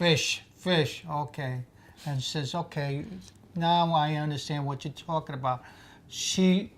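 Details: Aphasia in a man after a stroke: severe aphasia, now recovering through a social aphasia therapy group.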